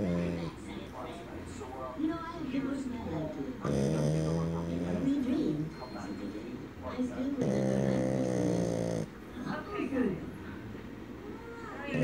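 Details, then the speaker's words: Sleeping female bulldog puppy, tongue out, gives two loud, buzzing, drawn-out snoring breaths with a rattly tone, separated by quieter breathing: snoring. "Alright, so I've tried recording the puppy snoring before, but somebody started talking and ruined it."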